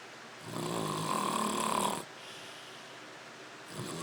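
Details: A man makes a long, rough, rattling breath sound followed by a quiet pause: snoring.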